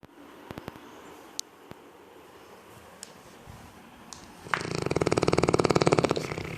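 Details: A sleeping Neapolitan mastiff dog in a quiet room gives one long, rattling, fluttering snore lasting about two seconds: snoring.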